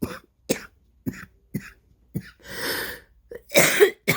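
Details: Productive cough during an asthma flare: a run of short coughs, then longer wet, rattling coughs with phlegm.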